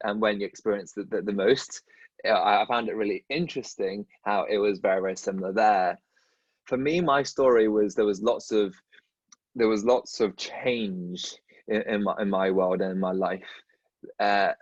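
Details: Dentist who stutters, speaking in a podcast conversation with another dentist who stutters; stuttering.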